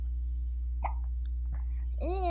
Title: Baby has hiccups